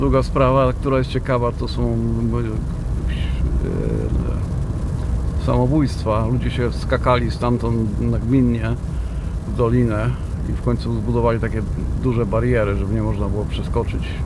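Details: Self-reported stuttering in a man speaking Polish, with a phrase restart followed by a long block.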